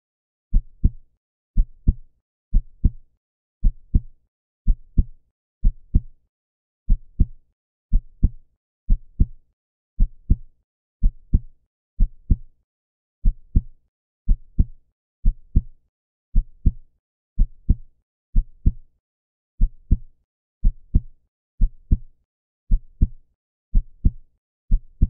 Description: 📢Son d'un rythme cardiaque normal